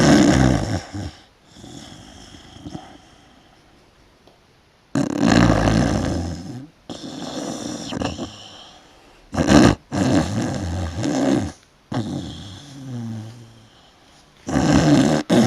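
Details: Loud, rough, rumbling breaths at irregular intervals during sleep, with quieter pauses between; snoring.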